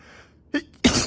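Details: A single allergy sneeze from a male on a rough allergy day: a short in-breath catch, then an explosive burst; sneezing.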